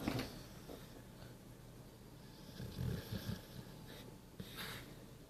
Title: Snoring pitbull...... lol love it